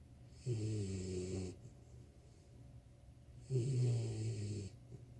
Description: Cassie 4 months old snores under my desk